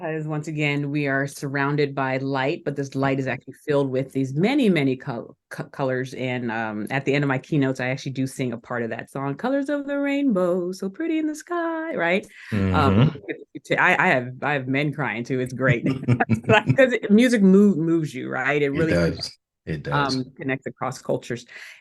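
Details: Adult woman who still stutters today, speaking in a podcast interview: stuttering.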